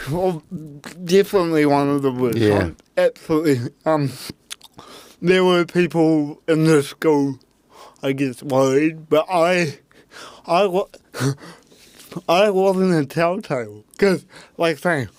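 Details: Adult man with cerebral palsy; his parents were told at birth he would never walk or talk; intensive therapy from birth to age six for walking and talking; dysarthria (cerebral palsy).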